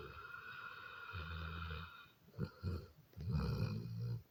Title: funny snoring dog